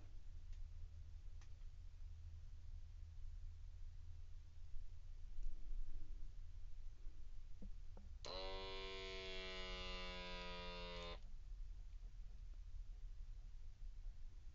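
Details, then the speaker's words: Steady motor whine as a HealthWise adult wrist blood pressure monitor (model 59-541) inflates automatically during a seated reading; first-time user; a reading showed 127/78 with pulse 92. "so this is my first time using a cuff kind okay now we're gonna go try again open this is sit down and relax and be quiet"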